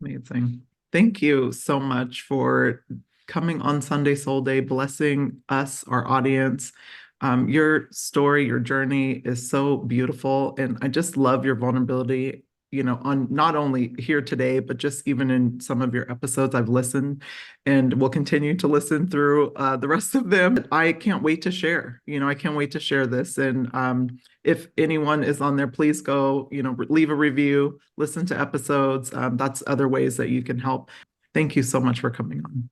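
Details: Adult woman speaking; no speech disorder.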